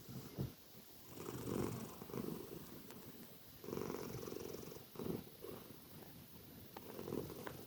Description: This tortie cat was enjoy her sleep and snoring very loudly!